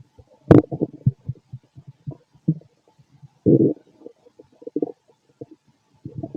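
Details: Stethoscope auscultation of a fit adult male's abdomen: irregular gurgles and squelches with a few louder bursts over a quiet background; normal active bowel sounds, stomach growling.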